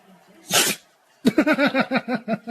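A single sharp, explosive dog sneeze, followed by a quick run of short snorting breaths through the nose.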